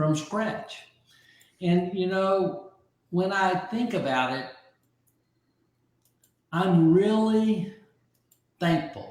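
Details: Aphasia following a stroke about 15 months earlier in an adult man; early on others could not understand him at all, and his vocabulary has since grown by over 20,000 words; aphasia.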